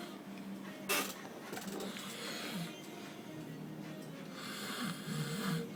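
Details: Loud, rough, buzzing snoring from an adult male sleeper, with a harsh snort-like burst over background music or room noise.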